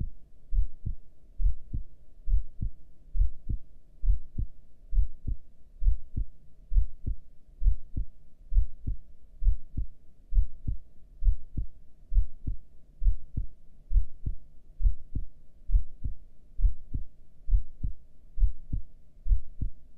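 Steady, regular low heartbeats at about 67 a minute, with no breath noise during a breath hold; normal heart sounds.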